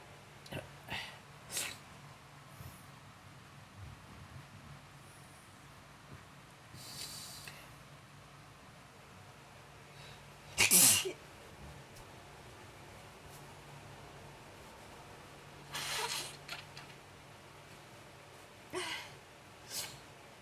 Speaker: I can't stop sneezing. Bless me. Oh my God. Oh Lord.